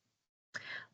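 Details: Speech and language therapist acting out a prolongation, a stretched sound during a moment of stammering; stammering: prolongation.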